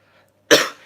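A single short, harsh cough after a moment of quiet room sound.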